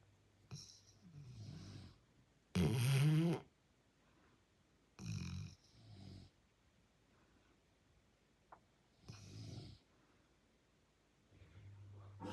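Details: Father and son both snoring loudly at night: rough snores from two sleepers in irregular bursts, some deep and rattling, others softer and buzzing, with quiet gaps.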